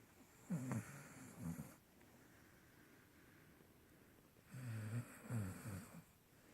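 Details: Dog snoring while sleeping in bed: two low, rattling snore bursts on inspiration separated by quiet pauses; ordinary snoring.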